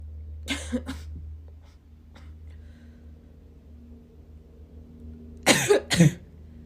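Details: Sneezing: two pairs of sharp, explosive bursts with quiet between, over a low room hum.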